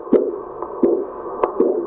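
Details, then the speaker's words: Simulated pulsus paradoxus in a volunteer breathing through a narrow straw to mimic COPD. Doppler Korotkoff pulse sounds during slow cuff deflation disappear on inspiration and return on expiration, then become continuous. "now take a breath. Yes, you can see when he breathes in. That means negative pressure is created. The sound disappears."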